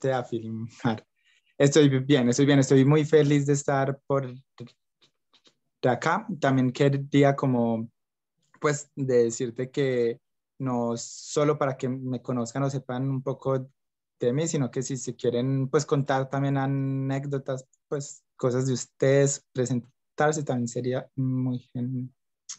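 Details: Young adult man who stutters and reports blocks and repetitions, speaking Spanish; stuttering.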